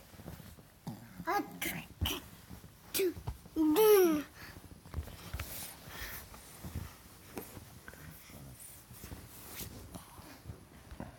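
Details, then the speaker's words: A person imitates sneezing with repeated voiced "achoo" sounds in a small room while a dog barks; these are fake sneezes, not real ones. "Achoo. Achoo. Achoo. Whoa. Ooh, big sneeze."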